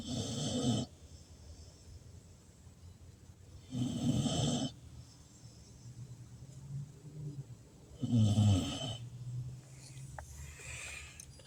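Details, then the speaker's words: Sleeping female bulldog: loud, rough rumbling snores, about 15 a minute, with quiet breathing between them. "said when your bullies snore like that it's because they're living a good life"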